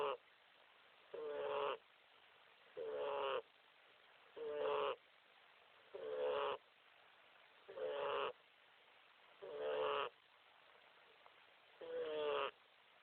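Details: Snoring during sleep: regular rattling, tonal snores on the in-breath, about seven across thirteen seconds, with quiet pauses between.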